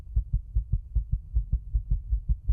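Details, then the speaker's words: Fetal heartbeat in the second trimester, around 24 weeks, which can be heard with a stethoscope: rapid, regular soft thumps, about 150 a minute, normal. "Se puede escuchar el latido del corazón con un estetoscopio."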